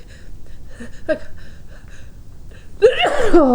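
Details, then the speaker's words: A deliberately induced sneeze while the person tries hard to hold it back: quiet breathy build-up, then one forceful voiced sneeze burst near the end. "Sorry for that. I had the feeling I had a feeling that trying to hold back and stiff uh just making me sneeze a lot."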